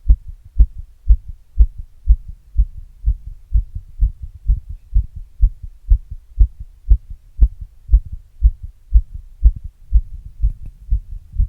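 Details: Own heart recorded after exercise with an earbud microphone and a glass: normal heart sounds after exercise.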